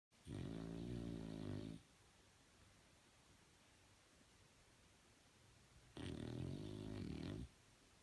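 Two long, rumbling, vibrating snores about four seconds apart, separated by quiet breathing; loud snoring in a sleeping flat-faced dog.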